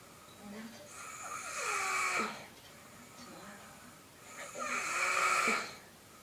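Two soft, buzzy snoring breaths in quiet sleep, each one rising and then fading.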